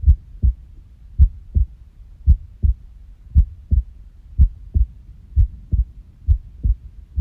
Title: unusual heart sounds / いつもと違う心音 09